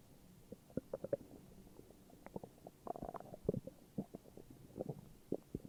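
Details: Morning stomach growls: irregular gurgling and bubbling rumbles from the belly; ordinary borborygmi.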